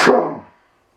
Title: Heavy And Loud Sneezes With Nose Blowing w/ cringe ending